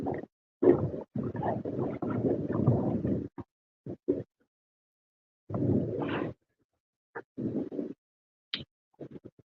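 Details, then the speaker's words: Adult's audible stomach rumbling (borborygmi) while eating ice cream, shortly before needing the bathroom. "it's starting to it's starting to rumble the tummy already um yeah it it has so what happened is there is a a tummy rumbling that's taking place right now"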